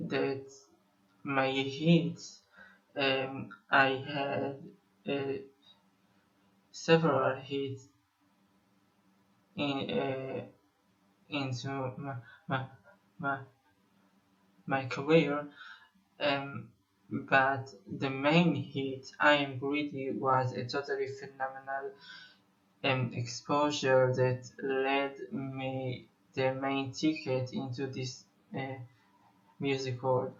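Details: Stuttering in a 25-year-old male Israeli musician who describes himself as having stuttered for almost 21 years.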